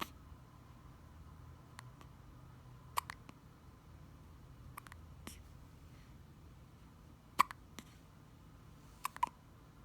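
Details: Faint, sharp, irregular hiccup sounds, about 30 a minute, in a quiet room; hiccups.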